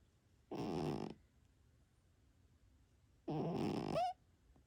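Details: Two loud, rattling, buzzy snores about three seconds apart with quiet breathing between, from a sleeping Himalayan Persian (flat-faced) cat in a small room; snoring.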